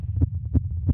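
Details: Very fast heartbeat of a girl, described as excited during a performance, picked up by a microphone; rapid heavy thumps, about three a second (roughly 180 a minute); tachycardia.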